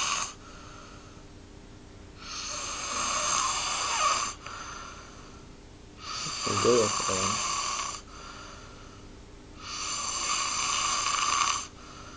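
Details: College student snoring during an afternoon nap in his dorm: regular hissing, raspy snores about every four seconds, roughly fifteen a minute, with a brief snort in one breath; deep-sleep snoring.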